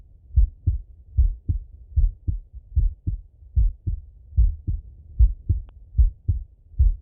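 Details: Male, heart auscultated by stethoscope while sitting at a desk or lying in bed: clear regular lub-dub at about 74 beats a minute with no extra noises, normal heart sounds.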